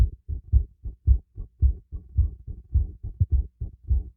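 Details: Clear, regular heartbeat heard through a stethoscope during light exercise with breath play, about 110 beats a minute; fast heartbeat.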